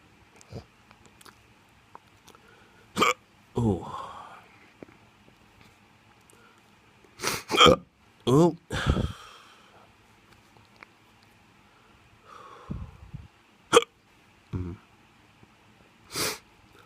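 Sharp, abrupt hiccup sounds at irregular intervals, some followed by groans, in a quiet room: hiccups.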